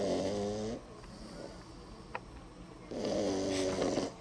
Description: Beagle puppy snoring louder than her 6'1" 280 lb. owner.